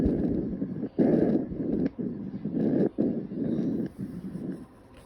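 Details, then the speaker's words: Normal bronchovesicular breath sounds heard over the major bronchi from T1 to T4 on the posterior thorax: medium-pitched rustling breaths with inspiration and expiration of similar length. "on the posterior thorax you should hear bronchovisicular sounds over the major bronchi from t1 to t4"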